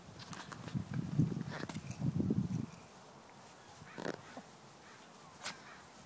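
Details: Rapid, rough snorting and honking breaths from a dog, coming in bursts then settling, happening on the owner's return home; the owner calls it asthma.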